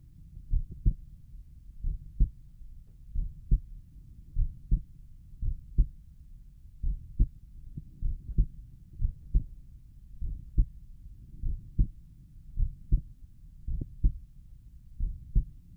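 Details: Own heartbeat heard at Erb's point while lying down relaxing: clear paired lub-dub beats, steady about 50 beats a minute; normal resting heart sounds.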